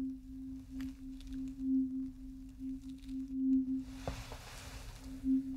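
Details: Simulated ear-exam ASMR roleplay with otoscope and ear cleaning: a steady, pure ringing tone with soft handling noises as a tuning fork is struck for an acted hearing test.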